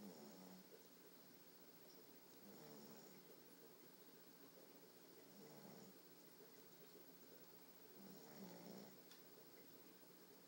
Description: Puppy snoring